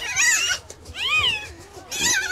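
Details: Newborn puppy, number 11 of a weak mother's litter, delivered after oxytocin was given for forceful contractions: high, thin squealing cries in three bursts just after birth.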